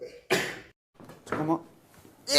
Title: sometimes i think sneezes like he's going to die